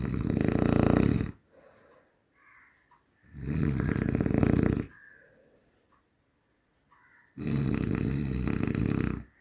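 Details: Human snoring: loud, harsh, rattling snores about every three seconds, around 20 breaths a minute, with soft breathing sounds between.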